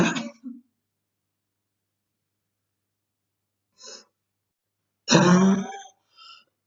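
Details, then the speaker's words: Girl with what she describes as very hard bronchitis, in quarantine: several harsh cough bursts and throat clearing with quiet gaps between them. "This is my my quarantine. A very hard bronchitis, really."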